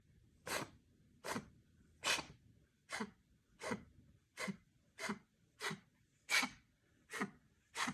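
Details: Dog coughing: ten sharp, dry, explosive bursts in a steady run, roughly one every 0.8 seconds, in a quiet room.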